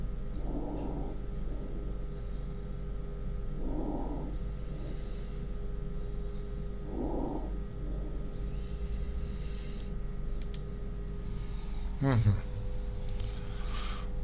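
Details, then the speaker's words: Normal vesicular breath sounds over the lung fields, recorded with the microphone placed on the chest during auscultation: soft, low rustling breaths at about 18 a minute. "and it was normal brief sounds okay once again normal breathe sounds"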